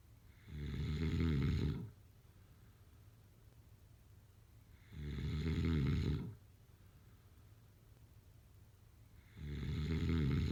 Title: #snoring #sleepnoises #snoringasmr #sleepsounds #snoringsleepingsoundeffect